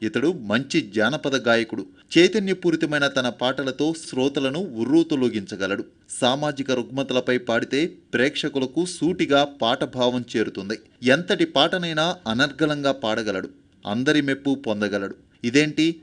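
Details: Adult male narrator; normal speech.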